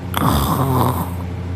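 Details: Heavy sleeper snoring while their sister holds their nose closed: one loud, rough, low rattling snore from upper-airway vibration; snoring persists despite nose being held.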